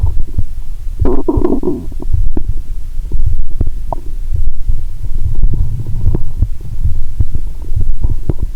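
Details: Continuous low rumbling and bubbling gurgles through a stethoscope on the abdomen, lying down after cola with Mentos, without finishing all the cola; no sloshing or popping, perhaps too much liquid: active bowel sounds.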